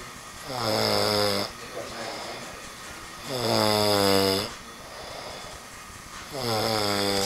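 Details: Adult man asleep in a recording studio at about 8 a.m. after working all night, snoring loudly: rough, buzzing snores on each in-breath, about 20 a minute, with quieter out-breaths between.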